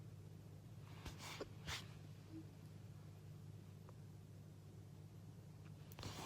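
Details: Sneezes from young Japanese women: a couple of short, quiet sneezes with sharp bursts of air over a steady room hum.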